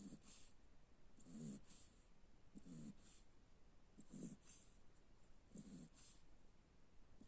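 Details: Cocker spaniel asleep: regular soft, low snoring breaths, about 40 a minute, with a faint whistle on each; ordinary sleeping snore.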